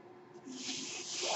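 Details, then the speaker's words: Soft, rising hiss of rushing air building over about a second: airflow noise from the speaker's own mechanical ventilator delivering a breath as they talk. "Hello everyone, my name is. That noise you're hearing is my ventilator."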